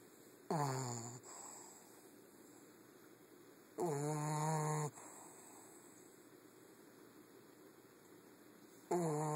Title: Zoey the bulldog snoring